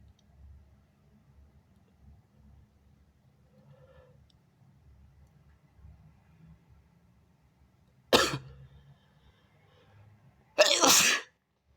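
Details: Person sneezing on a mirror: quiet room, then two sharp, hissing bursts of air from the nose and mouth, the second longer; big wet sneezes within a sequence of stifles, false starts, nose blows and a little cough.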